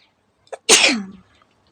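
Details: Sneeze deliberately induced by poking the nose with a stick during a sneezing challenge: a short intake, then one loud, explosive sneeze that fades quickly.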